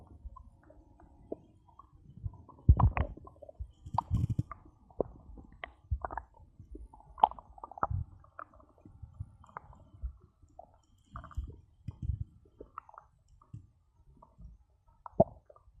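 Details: Stomach growling after drinking cola: scattered low gurgles and pops with quiet gaps in a small room, ordinary borborygmi, a normal finding.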